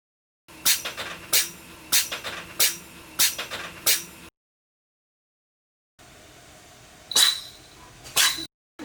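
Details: American Curl cat sneezing: about eight short, sharp, hissing sneezes, a quick run of six, then two more after a pause.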